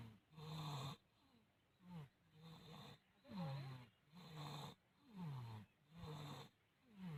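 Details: Snoring during sleep: low, rattling snores in a steady rhythm, about six in seven seconds, with quiet gaps between them; ordinary snoring.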